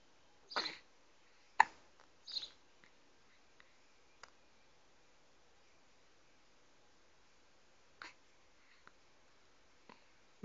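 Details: 12-day-old newborn boy with ordinary hiccups: soft, abrupt little hiccup sounds, a few close together then spaced apart, in a quiet room.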